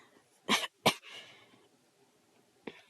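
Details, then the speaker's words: Productive cough from someone with mucus stuck in the throat: two harsh, wet cough bursts, then rattly throat clearing and a third short cough. "I'm sorry there's like a bunch of mucus stuck in my throat it sucks so bad"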